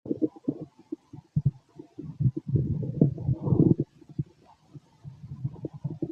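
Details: Male abdomen auscultated with a stethoscope: frequent low gurgles and rumbles with a longer rolling growl midway, bowel sounds.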